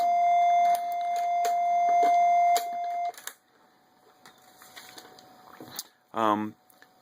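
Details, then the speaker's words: Steady high-pitched apnea alarm tone for about three seconds, then stopping, from a Lifepak 15 monitor during a 12-lead ST-monitoring training demonstration. "Oh, I got an apnea alarm. Let me take this off."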